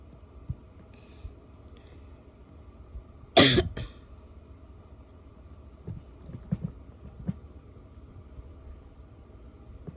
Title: barky coughing (f)